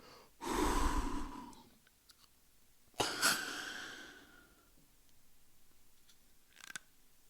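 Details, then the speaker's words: Demonstration of a Ventolin (salbutamol) metered-dose inhaler: long exhalation, then a deep slow inhalation with a brief puff as it is triggered, then quiet breath-holding. "At the top, you hold your breath for about 10 seconds if you can, and then slowly release. It looks a little bit like this. So I'm breathing out first."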